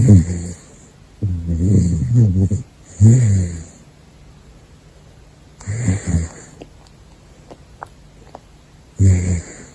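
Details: Caracal snoring while asleep: loud, low rattling snores recurring in irregular bursts with quiet gaps between them.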